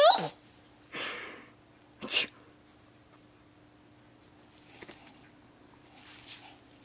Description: sneezes for her mommy!